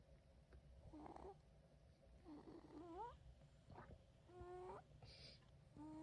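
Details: Snoring in a sleeping baby girl: noisy sleeping breaths with rough snorts and squeaky, rising whistling sounds about every few seconds.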